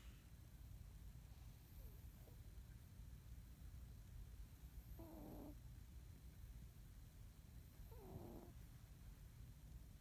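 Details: Sleeping male cat: soft, low snoring breaths with a faint whistling edge, about every three seconds, over quiet room noise; snoring.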